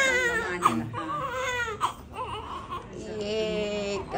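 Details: Strong, high-pitched bursts of crying with quick breaths between from a newborn baby boy just after delivery; a vigorous normal newborn cry with faint room sounds.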